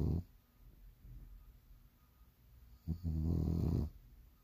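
Low, rumbling fluttering breath noise on inhalation with quieter breathing between; a sleeping dog's snore.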